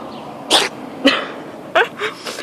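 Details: Cat sneezing outdoors: several short, sharp sneeze bursts with an odd, squeaky quality, noticed as strange by the person filming.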